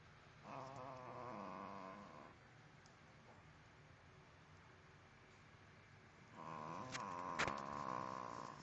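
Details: Dog snoring, recorded on a mobile phone: two long, rattling, buzzy breath sounds separated by quiet.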